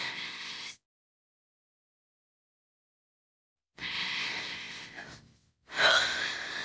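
Breathy, hissing gasps broken by abrupt silences, an AI-generated imitation of a cartoon character gasping between hiccups.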